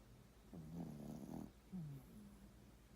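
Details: Small sleeping dog snoring lightly: brief low, rumbling, fluttering breath sounds.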